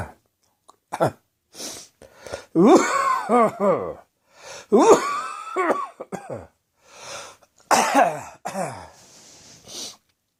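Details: Adult choking on spicy Indian takeaway curry after an evening drinking beer: bursts of harsh coughing with strained, gagging throat sounds and gasping between, spices catching the back of the throat.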